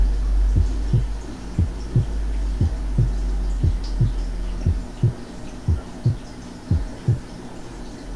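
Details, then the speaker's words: Normal heart sounds heard first at the left second intercostal space, regular at about 60 a minute; the second sound is single and crisp, slightly louder and higher-pitched than the first, with no splitting of the second heart sound. "escuché los dos ruidos cardíacos en el segundo espacio intercostal izquierdo en primer lugar sin desdoblamiento del segundo ruido"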